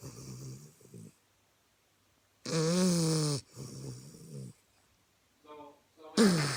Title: Gertie the bulldog snoring